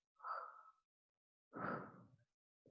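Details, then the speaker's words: Teacher imitating breathing in a class on respiratory pattern: two evenly spaced, soft breath sounds showing a rhythmic, regular, constant pattern; simulated regular breathing. "Pero sí tenemos que fijarnos de que sea un patrón, o sea, que mantengan una cierta distancia de respiraciones y que sean constantes. Si es rítmica, podría ser como..."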